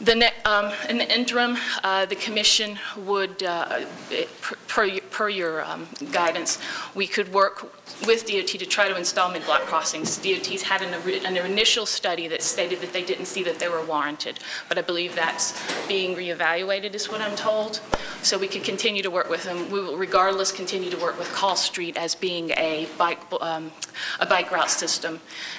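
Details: Adult woman who states she has a vocal tremor, speaking at a public hearing; vocal tremor.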